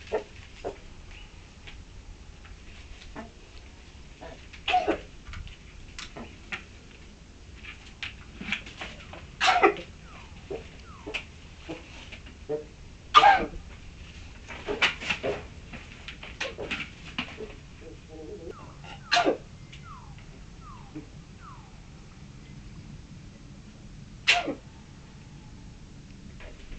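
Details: Booted Bantam hen sneezing after cold weather: sharp brief sneezes among soft clucks and chirps; poultry respiratory sign.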